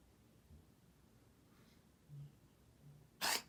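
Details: A cat's unusual cough: faint low grunts, then one sharp, harsh cough. The owner first read online that it might be a hairball, then noted it points to a bronchial problem needing a vet.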